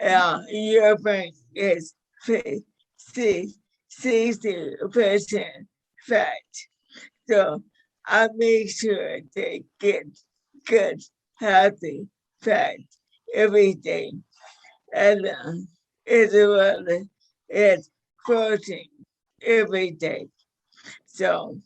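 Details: Dysarthria in a 61-year-old woman with motor neuron disease diagnosed five years earlier; severity varies from day to day.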